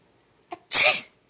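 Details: A brief inward catch of breath, then a single sharp, hissing burst; one sneeze.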